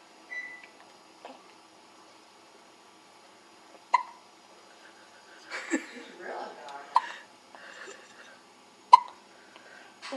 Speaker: She's only 2.5 days old and she's got the hiccups.